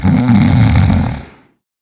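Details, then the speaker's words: A single loud, low, rattling snore lasting over a second, then fading out; snoring, attributed to throat tissue fluttering during breathing. "Kann man Schna bekämpfen? Ja, mit gezielten Übungen für Zunge, Gaumen und Rachen kann man die Muskulatur straffen. Das Gewebe bleibt straffer und flattert beim Atmen weniger."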